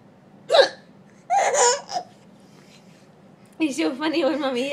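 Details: 6-month-old baby laughing at mother's burps: a brief, abrupt vocal catch consistent with a hiccup, followed by the baby's laughter and happy voices; hiccups.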